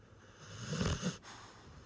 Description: Nana the lab snores on the couch after a walk in the morning.